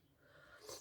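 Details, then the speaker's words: Sleeping female pet dog lying flat out, snoring: one brief faint rising noisy breath with a rough snorting edge in a quiet room. "Apologies if you can hear my little doggo again. She's flat out at the side of me, snoring away."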